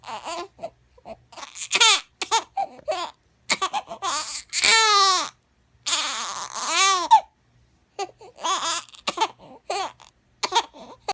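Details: Infant cry: repeated rising and falling wails with short breaths between, in a small quiet room.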